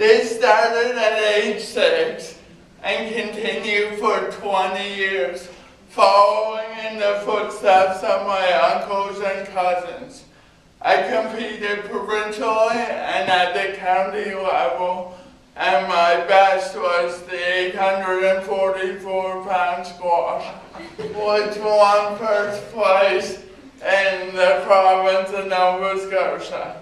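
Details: Adult with cerebral palsy giving a university talk about his own condition; no speech disorder is named for him; speech in cerebral palsy, possible mild dysarthria.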